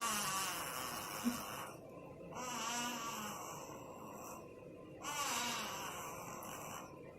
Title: Newborn Snores